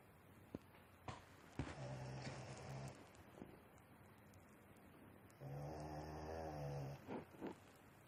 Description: My dog has been snoring really loudly for the last half hour